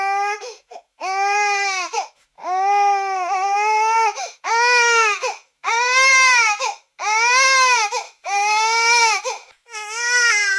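Loud, rhythmic infant crying in long wailing bursts with brief gasping pauses, typical of an upset baby.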